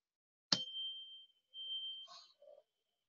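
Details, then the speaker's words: Rinne tuning fork test: a struck fork rings with a clear, steady pure tone that fades, heard by bone then by air, louder by air; a normal result showing a working middle ear. "that sound the guy says yeah how about now whoa that's louder you hear to the bone yep do you hear it to the air yep but it's louder good that's normal"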